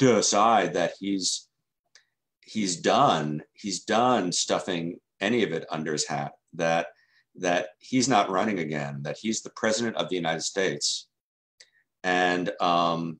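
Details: Adult man who stutters, involved in stuttering self-help since 1992, speaking in an interview: stuttering.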